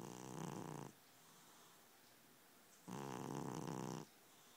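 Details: Sleeping cat, called fat by its owner, snoring: two rumbling snores about two seconds apart on inhalation with quiet exhalation between, a steady sleep rhythm; snoring.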